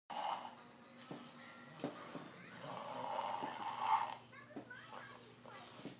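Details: Madison snoring after a long day: soft, rough breathing noises in a quiet room, with faint squeaky sounds near the end.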